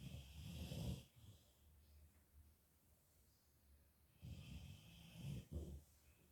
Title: Yellow Labrador retriever, Mulan, snoring away loudly in her sleep